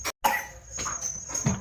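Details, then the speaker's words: Young child (brother) gives a couple of short, abrupt coughs in a quiet indoor room while his sister pats his back; cough. "पीठ थपथपा आ रही है खांसी आई तो आजा आजा तेरा करू दिन दिन ओहो खाचे ई खाचे वान को भी खांसी हो गई"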